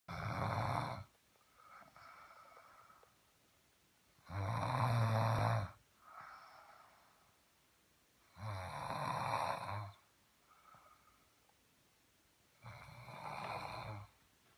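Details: Loud, harsh, rumbling snores on each breath in, with softer breaths out, about four breaths in fifteen seconds; heavy snoring likened to a motorcycle.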